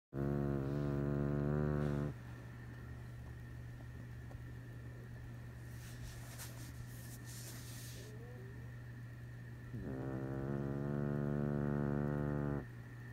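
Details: Chihuahua snoring: two drawn-out, buzzing tonal snores several seconds apart over a steady background hum.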